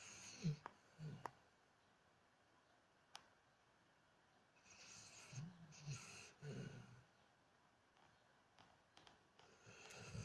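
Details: Weimaraner dog snoring.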